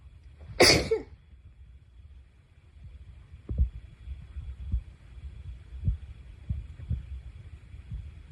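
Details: One sharp, explosive sneeze from an adult, followed by quiet background noise and faint thumps: a sneeze.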